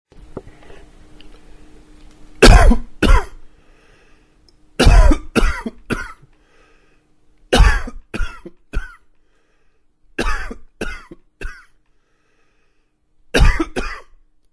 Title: Coughing 21